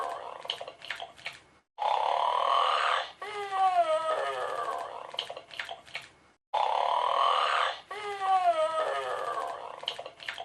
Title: Beethoven Sleeping & Snoring in 37 seconds